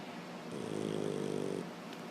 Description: Everyone the house minded they business until we stop and hear Sheba Snoring.